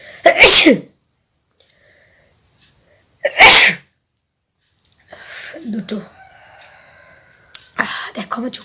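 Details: Nose-blowing and sneezing challenge: two loud, sharp sneezes a few seconds apart, then softer breathy sounds and a brief vocal noise; ordinary sneezing.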